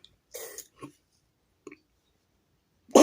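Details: A few short, dry cough bursts from an adult, acted for comedy and separated by silence; a simulated cough, not a real illness.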